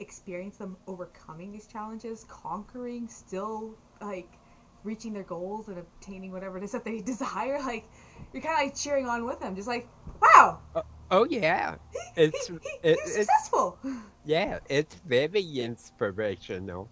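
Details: Adult woman; normal speech.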